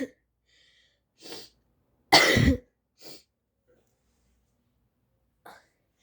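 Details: Male (brother) recorded for sneezing: a few short cough bursts, one loud and harsh, in a quiet room; cough.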